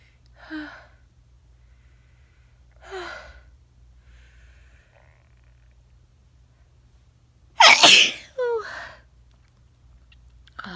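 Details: Two soft catching breaths, then one loud explosive sneeze with a brief follow-on sound, induced by tickling the nose with a feather; ordinary sneeze.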